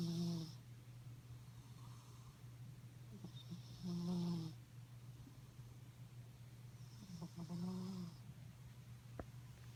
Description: My sweet, beautiful, dainty kitty cat - named Barb.. snores worse than any man I've ever met.